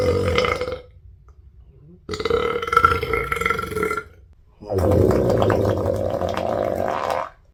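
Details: Three long, loud, rumbling belches lasting one to three seconds each, with short quiet gaps; burping after a lunch of pizza, fries and a shake that caused bloating.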